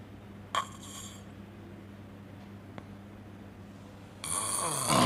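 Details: Snoring during sleep; the sleeper had almost no breathing for a full minute and no deep sleep on the sleep study.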